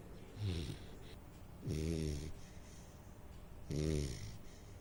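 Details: Three rough, low snores with quiet gaps, about 29 a minute, from a sleeping Saint Bernard puppy; snoring.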